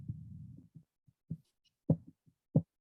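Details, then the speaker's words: Low cuff rumble, then sharp tapping Korotkoff beats appearing at systolic pressure and fading toward diastolic, heard through a stethoscope during blood pressure measurement, played as a teaching example in a talk. "the systolic pressure and that's going down to the in between beat pressure the diastolic pressure so that's what it would sound like"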